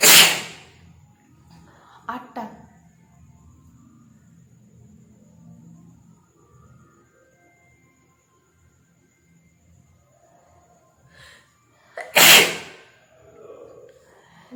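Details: Two loud, explosive sneezes about twelve seconds apart, with faint breathing and room noise between, during a sneezing challenge using a matchstick to provoke sneezing.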